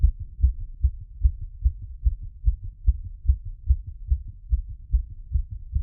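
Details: Heartbeat auscultated with a stethoscope after a workout and squats: fast, regular beats at about 146 a minute; normal rapid heart rate after exercise.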